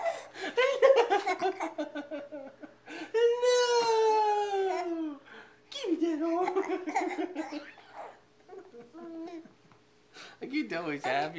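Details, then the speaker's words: Angry, upset baby boy with hiccups crying: fussy vocalizing with a long, high wail in the middle and shorter whiny cries and squeals around it. "He's so mad at this point."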